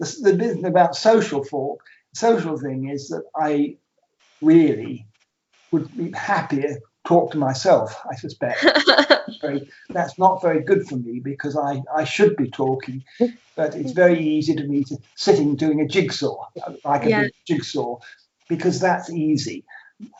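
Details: Aphasia after two strokes in a man, with trouble naming things and starting conversations, and numbers coming out back to front; aphasia.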